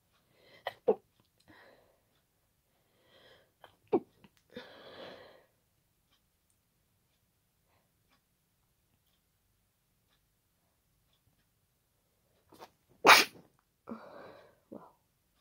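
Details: Night-time sneezing fit attributed to pollen, with congested nose, watery eyes and nasal tickling: a run of wet, explosive sneezes, each preceded by a short catching inhale, the last loudest, in a quiet room.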